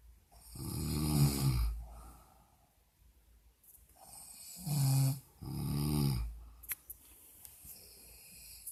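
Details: Woman asleep in hospital: loud, deep, rattling snores on inhalation, three in under nine seconds, with quieter breathing between; snoring.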